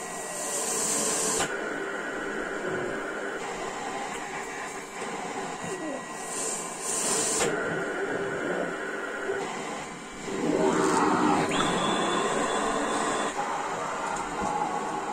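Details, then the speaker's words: Young girl using a cough assist machine while standing in a stander to help her breathe deeper, oxygen 98%: repeating hissing air pushes and pulls, alternating inflating and extracting breaths, with faint background music. "but right now we're going to do her cough assist standing up and hopefully that'll help her breathe a little bit deeper so"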